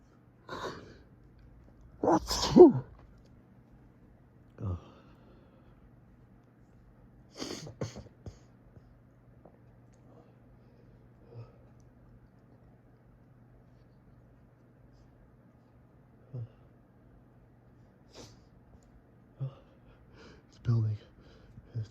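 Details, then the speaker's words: Person with fall allergies, in bed in the morning catching sneezes in tissues: a run of loud sneezes, several close together with quiet breaths between, in a quiet room; sneezing fit from allergic rhinitis. "Such a teasing tickle. It's like each one just triggers the next."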